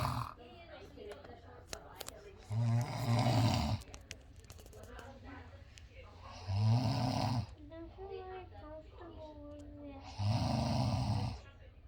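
Loud, rattling snores recur roughly every four seconds, with quiet talk and room noise between them; snoring.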